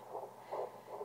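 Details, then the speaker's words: Fetal heartbeat at 10 weeks 6 days of pregnancy, found by the mother herself with a handheld home fetal Doppler and gel; fast whooshing pulses, about three per second. "so I turn on hi baby and it has a nice LCD screen that gives you the heart rate but uh I tend to just listen at first until I can find it find it easier to focus oh there it is keep in mind I am 10 weeks and 6 days"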